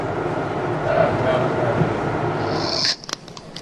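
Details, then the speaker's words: Snoring: one long, rough, rumbling breath with a low buzzing quality that cuts off abruptly, then faint clicks, from a person snoring while lying on their side; snoring comes from partial or total upper airway obstruction. "Nah ini ada beberapa macam nih dok, suara dengkuran. Mungkin kita bisa dengarkan"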